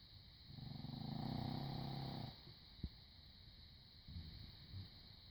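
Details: Sleeping dog snoring: a single long, low rattling snore while breathing in, followed by quieter soft breaths.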